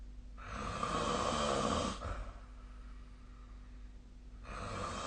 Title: 🐽 本日のイビキ / Snoring Sleep Sound 2025/02/24